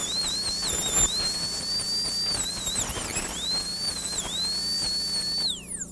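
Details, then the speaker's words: High-speed dental handpiece with a changed bur smoothing the alveolus after surgical extraction of a maxillary canine, before flap closure. Steady high-pitched whine with slight pitch dips under load, then winding down. "so now we're not trying to take away any more bone we're just trying to smooth the alveolus"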